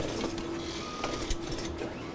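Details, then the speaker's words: X-ray image processor reading the receptor for a foot (lower extremity) study on a pretend patient after its barcode is scanned, in a teaching demonstration: steady mechanical hum with faint whirring and light clicks. "we're going to scan the barcode and put it in the processor"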